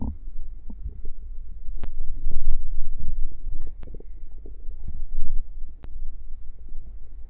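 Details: Stomach growling after drinking cider: continuous low gurgling and rumbling with scattered bubbly pops and a few sharp clicks; bowel sounds (borborygmi).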